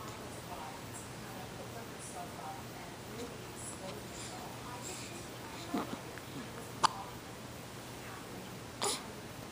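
Three sharp, brief hiccup sounds, a few seconds apart, against steady room hum.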